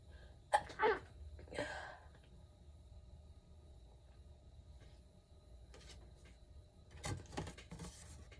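A quick indrawn breath followed by an explosive sneeze, with a few softer sneeze-like bursts later in a quiet room.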